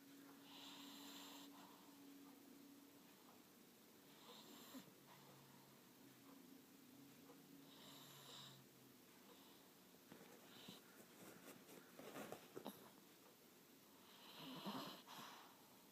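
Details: Female dog snoring while asleep, described as very loud, sometimes startling herself: soft, irregular snorting breaths with a faint whistle and snuffles; light snoring.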